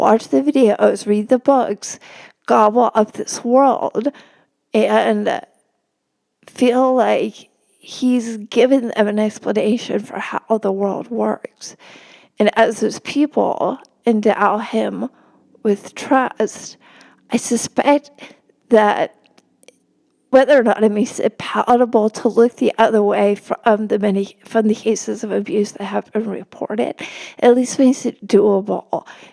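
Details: Real spasmodic dysphonia in a woman, a religion reporter speaking in a podcast interview; no type, onset or treatment stated; spasmodic dysphonia.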